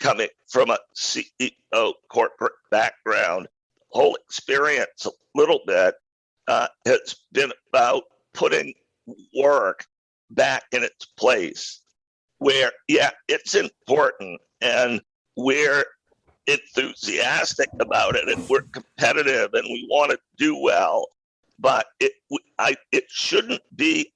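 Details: Adult male who acquired a rare neurological voice disorder in 2012 that made speaking difficult, still audible in his speech today; neurological voice disorder.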